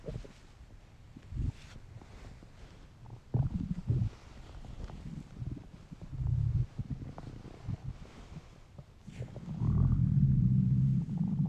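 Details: Irregular bursts of low gurgling and growling rumbles ending in a long loud groan: hungry stomach noises, normal borborygmi (stomach rumbling).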